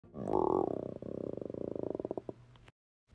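A loud, drawn-out gurgling rumble that breaks into rapid pulsing before fading out after about three seconds: ordinary stomach growling from hunger.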